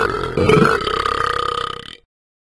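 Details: Dog burping after eating and drinking: one long, deep, rumbling belch lasting nearly two seconds, then stopping abruptly.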